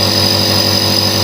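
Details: Omron compressor nebulizer used for cough/asthma nebulization therapy: steady loud mechanical hum and buzz, running normally while mist builds up.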